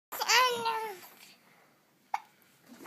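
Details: Baby babbling and hiccuping: a drawn-out babbling coo, then after a pause a single short, sharp hiccup.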